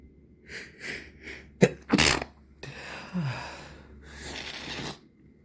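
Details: Sneezing in the evening after days of nasal irritation from irritants and much nose rubbing: quick sniffing in-breaths, a sharp stifled sneeze, then a congested sneeze and long blowing exhalations through a stuffy nose.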